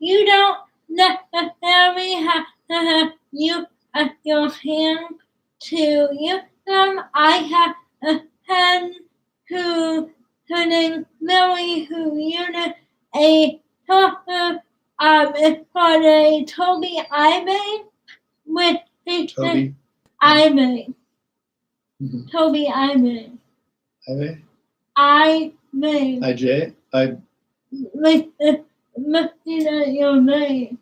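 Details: Young woman with cerebral palsy, sometimes hard to understand per parents, started talking late and worked with a speech pathologist on sounds such as plosives; dysarthria (cerebral palsy).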